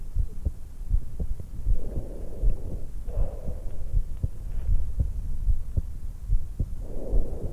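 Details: 20-year-old woman just after waking, lying supine in bed, stethoscope microphone at the suprasternal notch: steady low heartbeat about 79 a minute with soft breathing swells every few seconds; normal resting heart and breath sounds.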